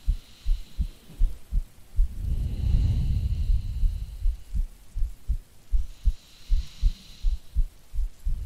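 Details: Soft low heartbeat thumps at about 80 a minute with rain and a passing thunder rumble, a recorded heartbeat presented as a sleeping girlfriend's for sleep-aid ASMR; normal adult heartbeat.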